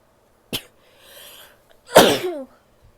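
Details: A female: a short intake, a soft breath, then one forceful, explosive sneeze with a trailing voiced tail; a single sneeze.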